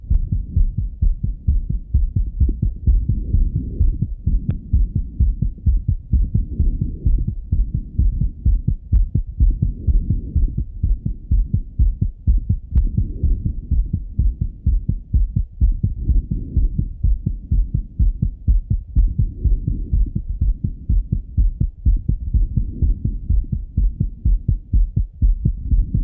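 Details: Fast, steady, strong male heartbeat heard through a stethoscope after coming home from a run, about 125 a minute; normal heart sounds after exercise.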